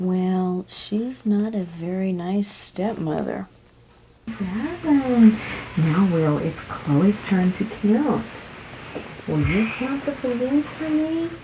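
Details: Adult speaking to a child during play; fluent adult speech.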